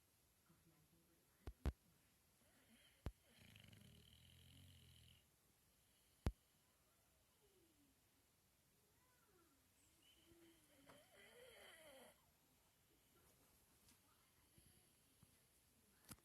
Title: Geoffrey Chaucer snoring while Iggy stares at him trying to figure out what that noise is